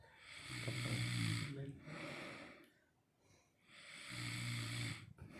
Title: #snoring